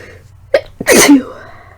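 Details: Sick young adult, unsure whether flu or cold, with sore throat, earlier fever and blood-tinged mucus: a short intake of breath, then one forceful explosive sneeze with a trailing vocal sound.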